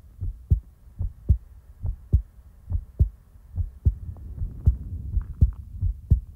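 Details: Steady, regular lub-dub heartbeat, about 75 beats a minute, soft low thumps paired with sharper beats, no extra sounds, recorded in real time; normal heartbeat.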